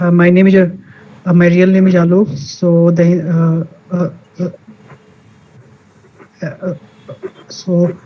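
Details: Stuttering in a male participant of an online session for people who stammer, introducing himself.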